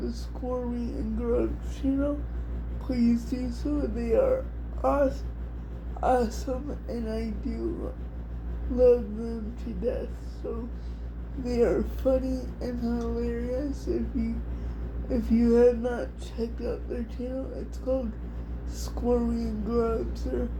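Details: Adult woman with cerebral palsy diagnosed at 6 months, level 4 or 5 by her own estimate, affecting her whole body including her speech somewhat and her hands; also has dystonia; dysarthria (cerebral palsy).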